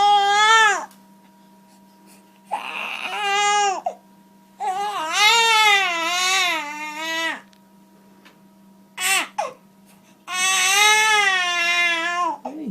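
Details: Infant cry from a baby during chiropractic adjustment in mother's arms: loud, high-pitched wailing in several bursts with pauses for breath over a steady background hum.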